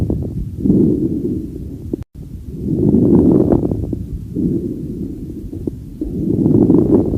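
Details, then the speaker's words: Lung crackles (crepitantes) on auscultation: breath sounds with many brief popping, crackling noises through each breath, typically late inspiratory and not cleared by coughing. "este es el sonido característico de los crepitantes"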